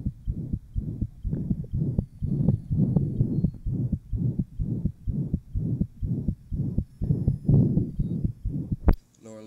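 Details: 1955 phonocardiographic recording, pulmonic area: rapid regular heartbeats with a rough, loud murmur filling each beat from an interventricular septal defect, possibly with persistent ductus arteriosus.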